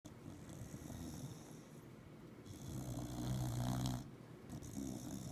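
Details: Low rumbling snores with one louder vibrating snore in the middle, recorded in a quiet room on 4-28-16; ordinary snoring.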